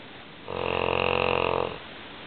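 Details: English Mastiff (female) snoring loudly while sleeping: a single loud, buzzing, rattly snore lasting about a second.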